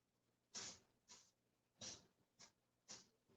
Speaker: if you can hear that that is my cat sneezing oh wow it's kind of sad he has a tumor and it's like right here in his nose and so tickles his nose sometimes